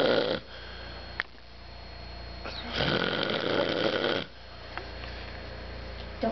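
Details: Elderly man (grandfather) snoring loudly during sleep at 1:30 am, one eye reportedly open: long, low rumbling breaths over a steady background hum.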